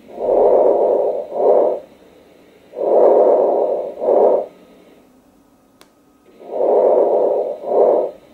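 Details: Soft, muffled vesicular breathing on lung auscultation, longer inspiration than expiration, about 16 breaths a minute: decreased vesicular breath sounds, teaching lecture example.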